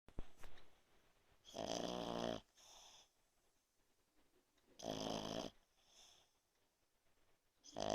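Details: A French bulldog snores while asleep, with loud, rattling in-breaths and softer out-breaths, about 19 breaths a minute.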